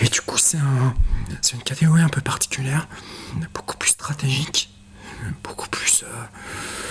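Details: Adult male quad (tetraplegia-category) wheelchair tennis player with a neuropathy that he says affects his vocal cords; breathy dysphonia.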